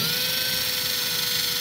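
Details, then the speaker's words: Live intraosseous needle insertion into the proximal humerus with a powered driver: steady high-pitched motor whine as the trigger is held and the needle advanced gently, perpendicular, until flush with the skin. "then pull the trigger and keep holding the trigger and just Advance it gently until you're flush with the skin"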